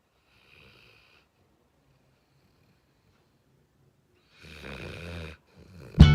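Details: Black Labrador dog napping after play: quiet breathing, then one loud rattling snore and a sharp snort; snoring.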